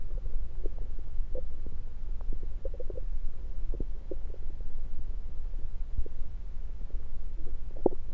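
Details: Stethoscope placed at different spots around the belly: soft gurgles and brief rumbles over a low steady hum; ordinary bowel sounds.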